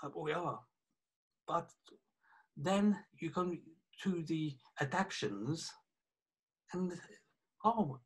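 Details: 48-year-old man, a police detective, with aphasia affecting communication after a stroke about three years earlier, plus right-sided weakness of his hand and leg; aphasia after stroke.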